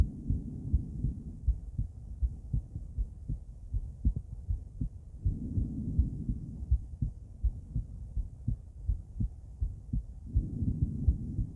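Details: Female heart auscultated with different stethoscopes at Erb's point, mitral, tricuspid, aortic and pulmonic areas: regular lub-dub about 80 a minute with muffled breath noise; normal heart sounds.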